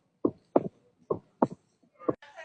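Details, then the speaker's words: Heart sounds at about 70 a minute with an extra sharp early sound after the second heart sound: opening snap of mitral stenosis, a teaching recording. "That is opening snap in mitral stenosis."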